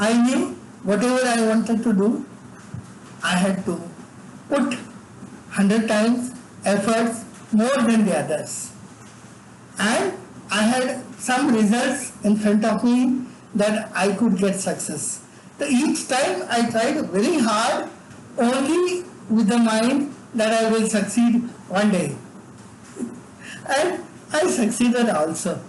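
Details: Adult man with severe cerebral palsy from birth, involuntary tremors throughout his body, and no speech until age eight: dysarthric speech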